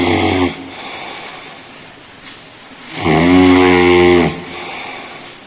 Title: World's LOUDEST HUMAN SNORING SOUND